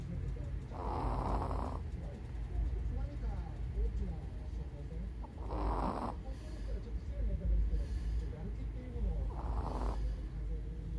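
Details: A 16-year-old Chihuahua with cataracts and hearing loss, snoring while deeply asleep during a daytime nap: three short, snorting snores roughly four seconds apart over a loud low background rumble.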